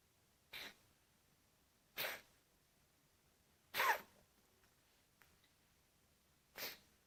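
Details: Cat named Simon coughing: four short, sharp, airy bursts a second or two apart, with quiet between them.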